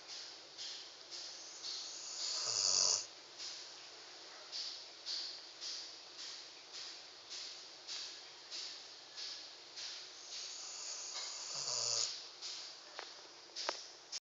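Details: Fast, hissy, whistling snoring breaths, about 60 a minute, with a couple of louder snorts; light snoring during sleep.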